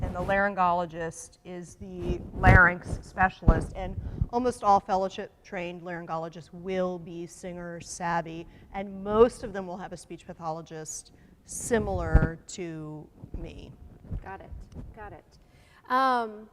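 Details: Adult woman speaking; Normal voice.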